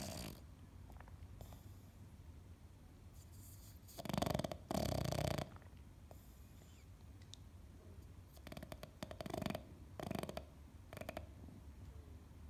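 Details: A sleeping dog named Piglet snoring: short, soft snorting snores in irregular bursts over room hiss.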